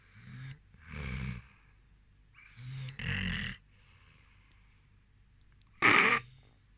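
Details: Sleeping rescue dog snoring: rough, snorting snores on in and out breaths, ending in a louder snort.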